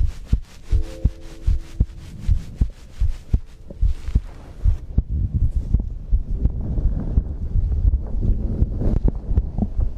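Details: ASMR recording of a heartbeat with breathing, from a livestream compilation: low, regular heartbeat thumps at about 80 a minute with a faint steady hum and later breathy rustling; normal heartbeat.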